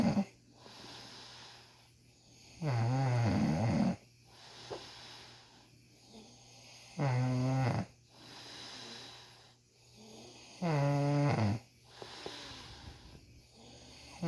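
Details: A man snoring loudly: loud, deep, rattling snores on each in-breath, about 16 a minute, with quieter out-breaths between; heavy snoring.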